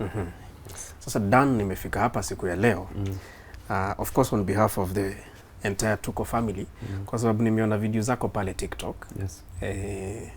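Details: Adult male interviewer; typical speech.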